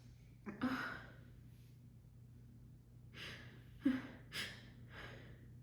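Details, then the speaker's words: Female sneezing fit after holding back sneezes during a phone call: quick sharp inhalations, a burst of air, then several short breathy exhalations in a quiet room; harsh, loud, uncontrollable sneezing. "Bless me. Why are these so strong? I still have to sneeze."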